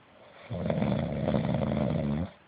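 One long, loud, rattling snore on the in-breath, low and rough with a fluttering quality. Typical snoring.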